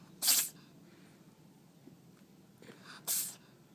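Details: Two sharp, hissing sneezes about three seconds apart in a quiet room: a cat sneezing.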